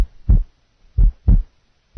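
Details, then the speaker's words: Heart sounds demonstrating a wide split second heart sound, compared with a single second sound and a normal split second sound. "listen now to a wide split second compared to a single second sound wide split second sound"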